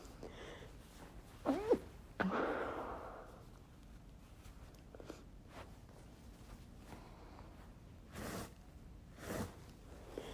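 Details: A sharp inward catch and a muffled sneeze, then a few soft chhinkni sneezes held back in the nose and throat in a quiet room; deliberate attempt to stifle sneezing.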